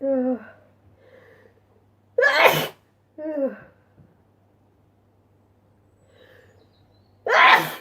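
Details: Sneezing compilation: a voiced gasp before each of two loud explosive sneezes, with quiet breathing between them.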